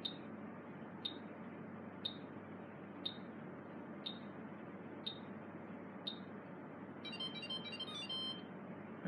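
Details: Low-level laser therapy device (BTL) operating while parameters are set and treatment is started: short high beeps once a second, seven in a row, then a brief electronic chirping tone, over steady room hum; normal device operation.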